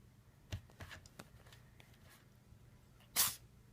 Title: Still sneezing ;(